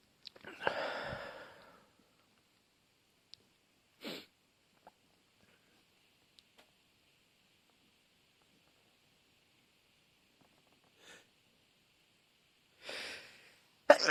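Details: Sneezing fit: several sneezes spread over a quiet stretch, with short sniffs between them.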